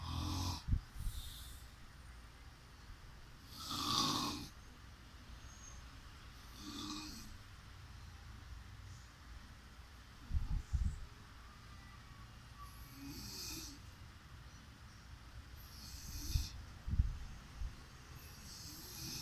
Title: Snore #life#laugh